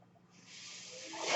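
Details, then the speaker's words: Home mechanical ventilator of an adult user heard while she talks: a rising airy hiss over a low steady hum as it delivers a breath. "my name is that guy series my ventilator I think you were listening"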